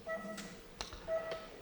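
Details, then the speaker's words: Simulated patient monitor on a teaching mannequin: two steady electronic beeps about a second apart, tracking a heart rate near 60, patient monitor heart rate beep. "지금 들리는 소리가 있는데 이 소리는 심장 소리인데요. 환자 모니터라고 얘기하죠. 환자 모니터를 통해서 체험을 하는 겁니다."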